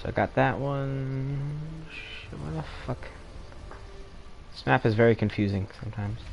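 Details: Adult male speaker; typical speech.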